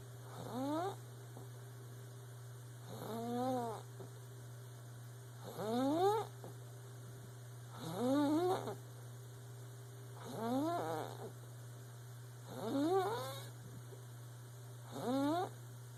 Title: Squeak-a-snore